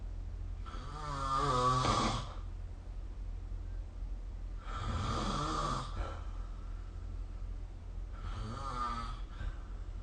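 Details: Three loud, rough, fluttering snores about 3–4 seconds apart, each with an inhalation during sleep, recorded with the SnoreLab snoring app; regular snoring.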